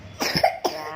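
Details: A child coughs harshly twice, one burst and then a shorter one, at a traditional child massage visit in Pati, Central Java; the family hopes the cough subsides after the massage.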